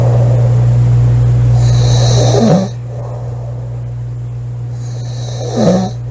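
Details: Sleeping woman snoring loudly: two rough inhaled snores about three seconds apart over a steady low hum.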